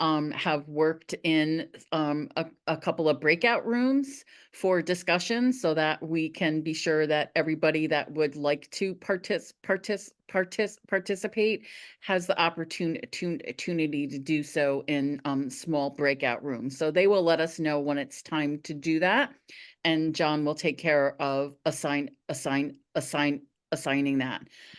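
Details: Adult woman who stutters, speaking at a National Stuttering Association meeting, with repeated syllables and words; stuttering.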